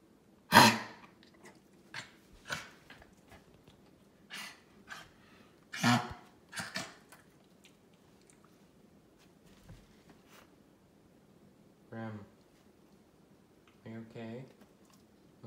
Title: Kennel cough